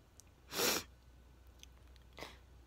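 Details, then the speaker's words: Several sneezes just before bed, some missed before recording began; one sharp, loud sneeze burst, then a softer sniff or second small sneeze; sneezing. "i miss actually missed a few sneezes before i started recording well this could have been one of the best ones ever see"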